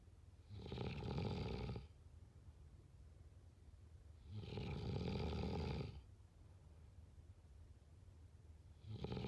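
Loud, rough, fluttering snores on each breath in, about every four seconds (roughly 15 breaths a minute), with quiet breathing between them: typical snoring.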